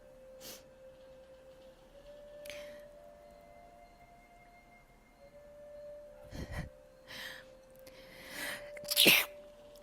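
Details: Sneeze during a recorded tarot reading: several short bursts building to a sharp sneeze near the end, with a soft ringing tone in the background.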